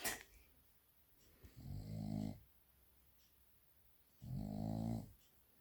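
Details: A little boy snoring in sweet sleep while someone tries to wake him.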